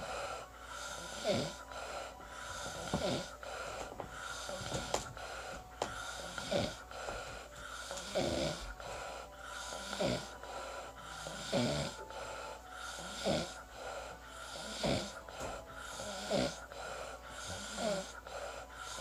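Rhythmic rough snoring on each breath in, about 18 breaths a minute, over a steady background hum.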